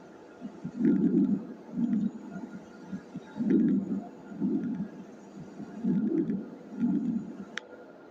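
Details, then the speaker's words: A teaching example of soft, low-pitched rustling breaths in steady cycles, with a longer inhale and a shorter, fainter exhale; normal vesicular breath sounds. "Normal sound जो होता है है वह वेस्टिकर thing sound है जो normal sound है उसका जो पीच होता है व लो होता है"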